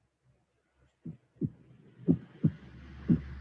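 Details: Severe mitral regurgitation with third heart sound and diastolic flow murmur.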